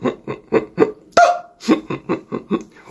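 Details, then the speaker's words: Person with Tourette syndrome, diagnosed after years of tics, makes a rapid run of short hiccup-like throat sounds with one higher squeak; a vocal tic that began in 2021 as a throat noise and never went away. "my throat just kept making this noise and eventually it became like this hiccup noise and it never went away um it was like my throat was trying to hiccup it was so weird"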